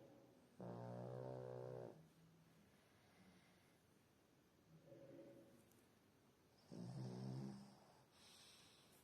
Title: snoring loudly